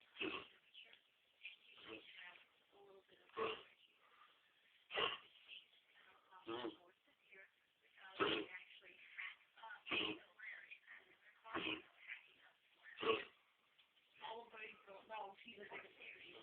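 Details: Mixed pit bull dog, owner suspects kennel cough, gives a run of about ten harsh, honking coughs with gagging sounds between them.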